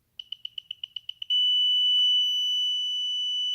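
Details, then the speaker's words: Apomorphine infusion pump reset after ending an infusion: blue and white buttons held until END shows, then rapid short high beeps, about four a second, and one continuous tone as the piston returns; infusion pump reset tone. "Vous avez END qui s'affiche à l'écran, et vous allez avoir un signal, comme en fait, ça va symboliser en fait un piston qui rentre, vous voyez, il y a des petits pointillés. Vous entendez le bruit un peu sourd que cela fait."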